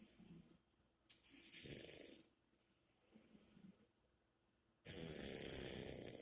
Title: Snoring chica